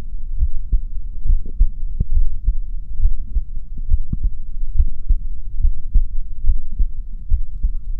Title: my heartbeat sound